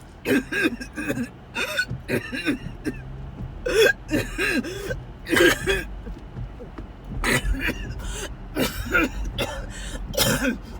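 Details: Repeated coughing fits recorded during a car ride to the hospital ER: bursts of harsh, strained coughing with voiced gasping breaths between them over steady car noise.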